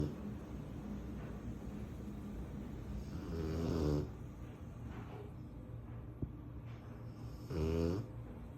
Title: Guess who’s finally 1 year old!? My Apollo! ❤️ & still snoring 🥴 #corso #canecorso #puppy #mastiff